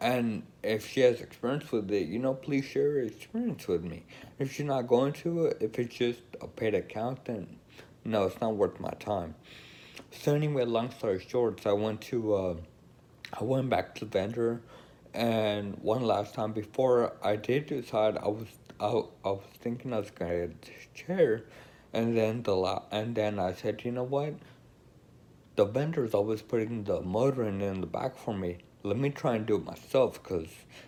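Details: Adult woman with Friedreich's ataxia who uses a wheelchair and reports lacking coordination. Ataxic dysarthria.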